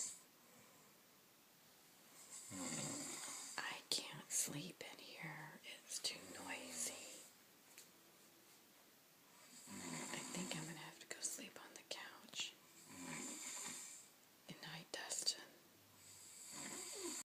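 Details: Nephew sharing a room snoring, keeping the recorder awake; irregular rough snoring breaths with whispering and rustling nearby.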